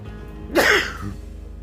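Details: Sneeze: a single loud explosive sneeze over steady background music.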